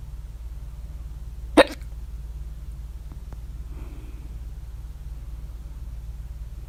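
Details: One sharp, sudden hiccup against low background hum; hiccups at 3:04 A.M. after overeating at dinner, mouth alternately closed and open, very loud hiccups with mouth open.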